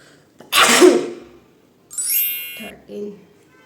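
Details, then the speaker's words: Woman's single explosive sneeze, deliberately induced by sniffing chili flakes during a 20-sneeze challenge, around the 14th sneeze; she reports burning in her nose; followed by a brief tone and a short voiced sound. "14 times तो sneeze आ चुका है अब बस एक times जल्दी जल्दी आ जाए फिर मेरा य चैलेंज कंप्लीट हो जाएगा"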